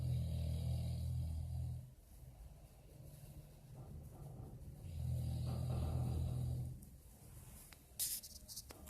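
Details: Snoring: loud, low rumbling snores on breathing in, two in nine seconds, with quieter breathing out between.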